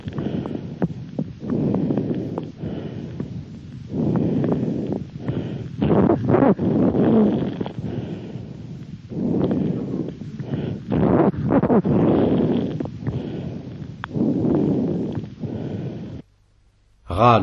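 Soft, rustling vesicular breaths with bursts of fine crackling clicks on inspiration: crepitant crackles, typical of early pneumonia.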